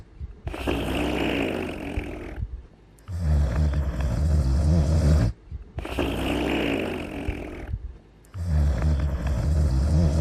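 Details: An animal snoring in sleep: loud rumbling snores alternating with raspy breaths, about twelve breaths a minute.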